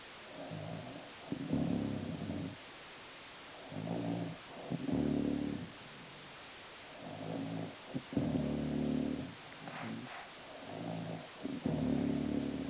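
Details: Mother snoring heavily: loud, rough, buzzing snores on each breath in, about five across the clip, roughly 24 a minute.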